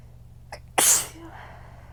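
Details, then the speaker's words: Single strong sneeze in one of a fit of strong sneezes that hurt and burn the throat, with no pollen present (sneezer assumes weather change): quick inhaled catch, then a forceful hissing sneeze fading out. "Ow. These are hurting my throat. These hurt my throat like bad."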